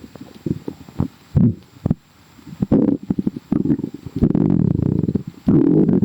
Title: sooo bubblyyy | stomach growling